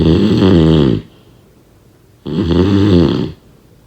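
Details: Heavy snoring: two loud, buzzing snores about a second long each, separated by quiet pauses.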